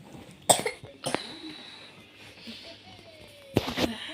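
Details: A few short, abrupt coughs from a young child coughing since the previous night, also with stomach ache and bloating, against quiet room noise and faint music.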